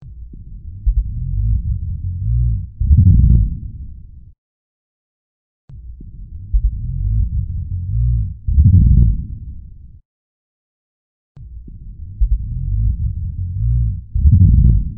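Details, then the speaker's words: Real-life lung sound recording of rhonchi with breath sounds, played slow then at real time: continuous low-pitched, rumbling, snoring-like sounds through both inspiration and expiration. "in summary ronkai are continuous low pitch snoring sounds they occur during inspiration and expiration"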